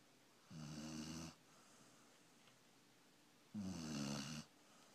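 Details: Sleeping puppy snoring like a human: two rattling, droning snores about three seconds apart in a quiet room; ordinary snoring.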